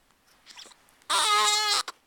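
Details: An infant about 2.5 to 3 weeks old, who has hiccups, gives a brief, high-pitched cry lasting under a second after soft fussing: an ordinary short infant cry.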